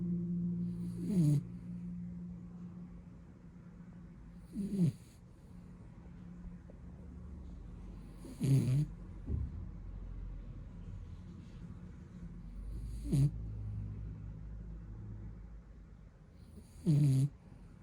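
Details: Napping blue beagle puppy snoring: short snorting snores recurring every few seconds over a steady low breathing hum.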